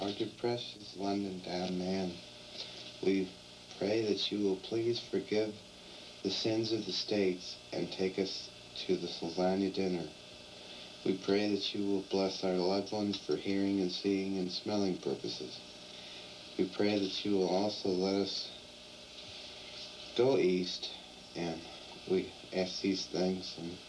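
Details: 35-year-old man with severe schizophrenia, ill for 17 years, with extreme thought disorder, saying grace at dinner; disorganized speech (schizophrenic thought disorder).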